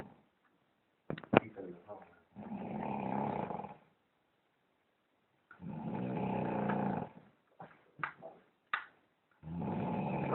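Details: A man sleeping in a hotel, with loud, rough, rattling snores on each inhalation about every 3.5 seconds and brief throat clicks between them: heavy snoring.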